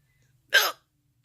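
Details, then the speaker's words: Person with multiple sclerosis having recurrent hiccup bouts, the third or fourth of the day, who wonders whether they are an MS symptom: a single abrupt, brief voiced gulp in a quiet room. One hiccup. "oh I haven't had the hiccups the whole time but this is the third or fourth time today that I've had the hiccups"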